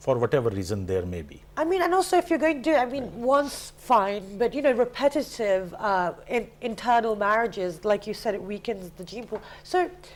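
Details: Adult woman speaking; typical speech.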